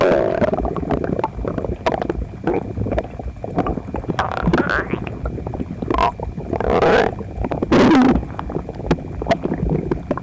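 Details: Loud borborygmi recorded with phone pressed close against the belly while gaming, after toast, eggs and milk; person visibly uncomfortable: continuous low rumbling with bubbling, gurgling bursts and squeaky gas movements.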